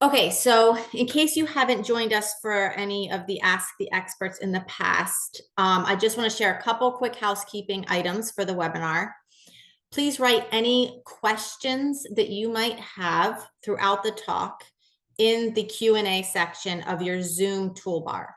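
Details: Adult woman speaking; Normal speech.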